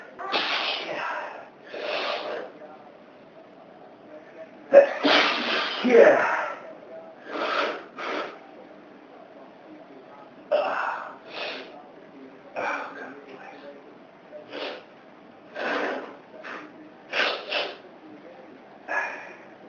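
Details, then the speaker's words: Adult man sneezing repeatedly from dust allergy after his girlfriend's housework; a long run of about a dozen forceful sneezes in under twenty seconds. "There's dust all over the place. Dust. Really makes me. Yeah. Makes me sneeze. Yeah. Yeah. Sometimes, really badly."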